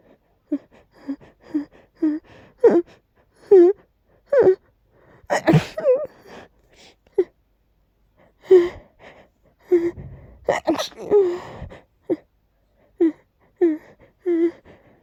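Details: Stuck, irritating sneeze with eventual relief: many short, repeated gasping in-breaths build up before a few sneeze bursts, followed by more gasps; a drawn-out stuck sneeze.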